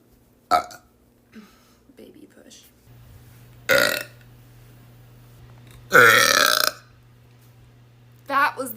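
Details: Girls doing voluntary burps for a TikTok burping compilation: several loud, drawn-out burps with brief talk and laughter between them.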